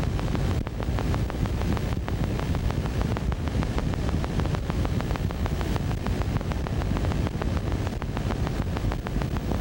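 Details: Needle EMG teaching recording of fibrillation potentials; each fires regularly, but many firing at once at different rates sound irregular.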